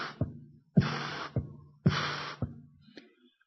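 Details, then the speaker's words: Heard by stethoscope over the apex (mitral area): a double mitral lesion, combined mitral regurgitation and mitral stenosis, with a rumbling murmur. "the last murmur is double mitro combination between MIT and mitosis together listen carefully that's what is called double mitol with rumbling"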